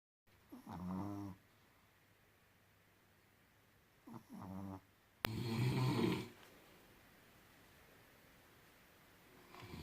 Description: I filmed my father and my chihuahua snoring at night. They don't care about others.